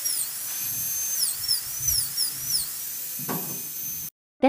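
High-pitched dental drill whine rising and falling as the turbine spins up and slows, then cuts off; a high-speed dental handpiece running.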